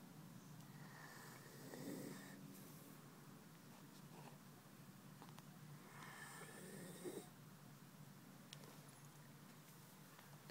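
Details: Soft, rough inhalations with snorty noise during sleep, repeating about every five seconds in a quiet room: snoring.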